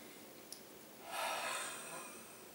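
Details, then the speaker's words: Huff (forced expiration technique) in a physiotherapy chest-clearance demonstration: a big breath in with shoulders down, then a fast, open-mouthed breath out, with no phlegm or crackle heard. "So it's a big breath in, keeping the shoulders down, and then wide open mouth and a fast breath out. So when you're ready, try a huff for me."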